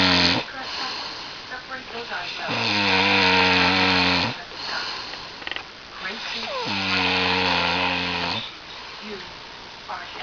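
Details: Loud, rattling snores on each in-breath, about 16 a minute, with quieter out-breaths between, from a sleeping person who keeps the recorder awake again; typical snoring.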